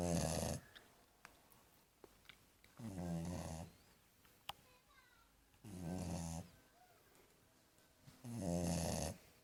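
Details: American Staffordshire Terrier puppy snoring while asleep: loud rattling snores on each breath in, about four in ten seconds, with quiet pauses between; ordinary snoring.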